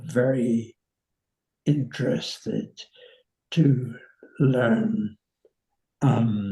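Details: 85-year-old man with nonfluent variant primary progressive aphasia; slow, effortful speech; finding: nonfluent variant primary progressive aphasia.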